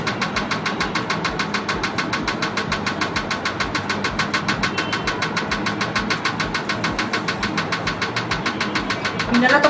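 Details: Laser removal of a nevus of Ota birthmark, third session, lesion already much lighter, patient reports no pain; rapid, steady clicking pulses, about 200 a minute, from the dermatological laser firing.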